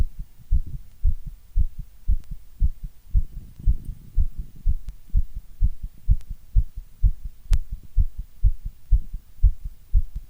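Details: Normal heartbeat: regular paired low thumps at roughly 60 to 65 beats a minute.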